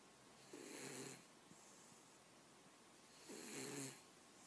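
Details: Cat napping and dreaming: two soft, rough, airy snores about three seconds apart in a quiet room; snoring during sleep.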